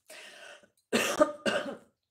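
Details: A soft breathy exhale, then two short, harsh cough and throat-clearing bursts from an adult woman whose voice is hoarse: cough / throat clearing.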